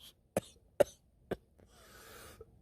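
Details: Adult man coughs up a chunky foreign mass: three short, forceful coughs in quick succession then a brief hissing exhalation, a productive cough.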